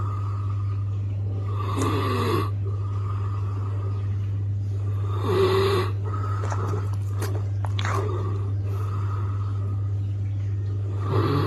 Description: Funny Dogs Snoring & Sleeping Compilation 2021